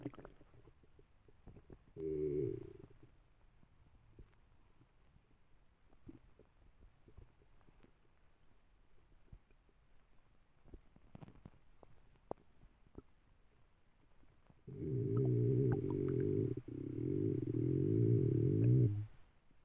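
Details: Dog Karelia sleeping with stomach rumbles: long, loud, low gurgling from her belly, a short burst then a sustained one; ordinary borborygmi.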